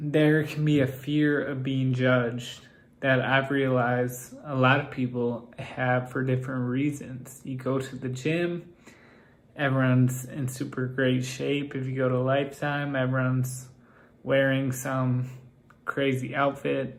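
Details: Male with Friedreich's ataxia whose speech has become progressively more impaired. Ataxic dysarthria.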